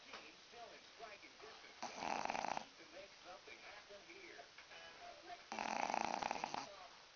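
Two loud, rough snoring bursts about four seconds apart, with quieter breathing and soft background talk between them.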